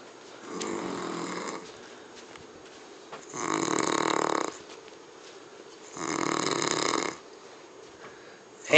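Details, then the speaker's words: Man passed out asleep gives three loud, rough snores about every 2.7 seconds, roughly 22 a minute, with quiet pauses between while someone asks if he is snoring; ordinary snoring. "belling are you snoring hmm are you snorin are you snoring in here course not"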